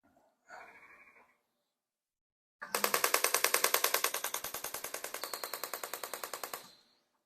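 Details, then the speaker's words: Shockwave therapy for patellar tendinopathy knee pain, pain mostly on the inner side, applied to the inner, middle and outer quadriceps: brief speech, then a rapid regular train of sharp clicking pulses, about 200 a minute, for four seconds. "e're going to hit the inside of the Quad the middle of the quad and the outside of the quad with a few hundred pulses each of the shock wave if there's any spots that feel tender we might focus on those"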